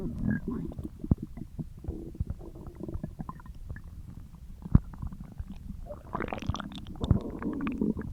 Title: Stomach Growling